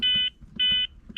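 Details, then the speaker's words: CPR metronome beeps from a ZOLL X-Series Advanced cardiac monitor during pediatric CPR feedback demonstration: steady high-pitched beeps pacing chest compressions at 105 per minute, one compression per beep. "The metronome is the same, right? Because that's the same for everybody. 105 compressions per minute. So, every time you hear a beep, you should do a compression."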